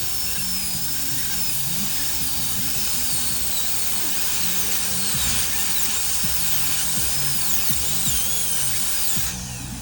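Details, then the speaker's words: Steady high-pitched whine of a high-speed dental drill with a large round bur hollowing out the old cement and post inside a porcelain-fused-to-zirconia crown on tooth #8 before extraction, with low grinding and faint music. "I'm going to slowly just keep hollowing that out as a post in"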